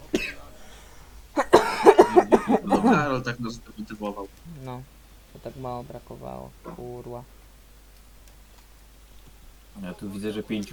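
A brief fit of harsh, noisy adult coughs, followed by spoken voice sounds in a small room.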